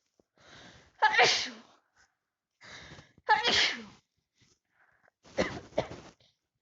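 Three sneezes, each a short indrawn breath then a sharp explosive burst, with quiet pauses between; repeated sneezing.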